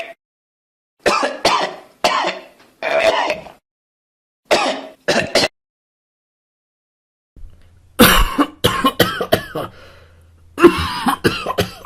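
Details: Cough.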